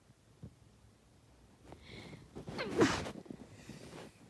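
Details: One of a series of eight sneezes from a person: a single loud, explosive sneeze against quiet room noise.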